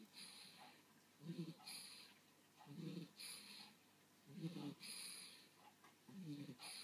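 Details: Rhythmic low, rattling snores on each in-breath with soft airy out-breaths, about 38 breaths a minute, from a sleeping animal: snoring.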